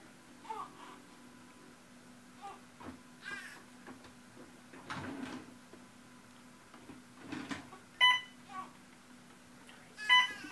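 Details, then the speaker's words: Short electronic beeps in a quiet hospital room with soft talk and fussing: a monitor alarm beeping during a newborn's first-day diaper change. "uh one of my she is beeping the NSE now I thank you"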